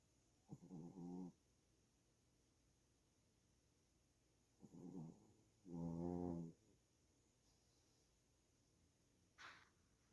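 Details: Pet snoring: three low, rattling snores at irregular intervals in a quiet room, ending with a soft snort.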